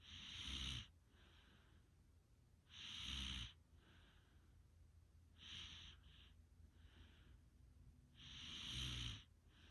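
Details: Regular snoring with a hissing, whistling quality, about 13 breaths per minute, each snore followed by a softer exhalation.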